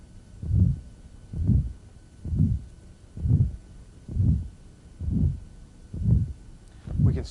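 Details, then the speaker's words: Calcific or acquired aortic stenosis in a man, diaphragm at right upper sternal border: harsh, rough murmur like furniture dragged across a floor, radiating to the apex and beyond, regular heartbeat about 65 a minute. "so heard with the diaphragm right upper sternal border radiating to the apex and in this gentleman will see it radiating outward to other places as well here that rough quality to it it's almost like somebody's dragging furniture across the floor"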